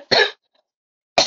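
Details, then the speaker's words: Two short, harsh cough bursts about a second apart from an adult with a lingering, slowly improving cough that is painful when coughing. "Alors, vous voyez, je tousse encore par moment puis ça fait mal quand je toe."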